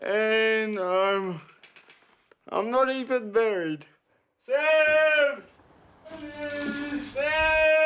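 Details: Dysarthria in a 32-year-old man with cerebral palsy since birth, dependent on 24-hour care; speech is slurred, and a caregiver says it slurs more when he is tired.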